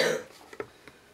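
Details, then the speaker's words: A young son coughing in the background of a quiet room: a brief cough burst followed by a few faint softer sounds. "alors, vous entendez encore mon fils tousser."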